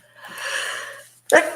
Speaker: Oh, thank you. I couldn't hold that sneeze in. It wanted to come out.